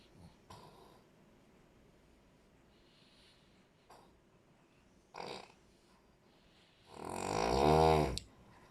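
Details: Quiet breaths, then one loud, rattling, vibrating snore lasting about a second; snoring.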